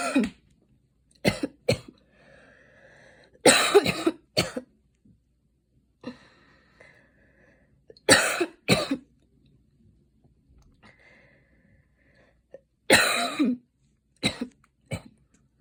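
Repeated harsh, dry cough bursts in short clusters of two or three, with quiet breathing between.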